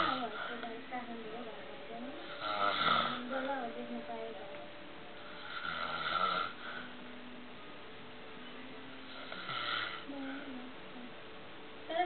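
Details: Adult man (a father) snoring: slow rough snores on each in-breath, about three in twelve seconds, with quieter breathing between.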